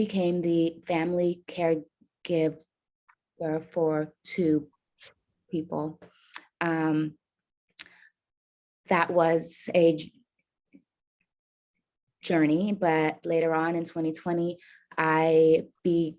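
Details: Adult woman caregiver with a self-reported stutter; stuttering.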